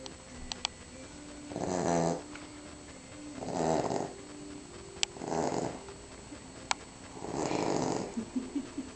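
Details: Cavalier King Charles Spaniel snoring after eating Christmas turkey: four rattly, fluttering snores at an uneven pace with faint clicks and room noise between. Snoring.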